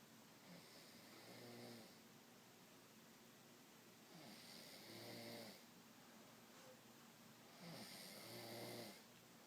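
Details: Woman snoring loudly while asleep, filmed by her husband: three soft rattling snores over about ten seconds, roughly 17 breaths a minute, over steady background hiss.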